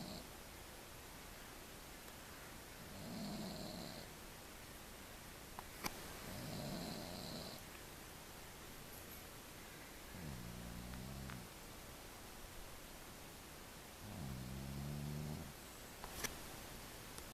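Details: Ordinary snoring in a quiet room in the morning: repeated soft, buzzing snores with low rumbling breaths.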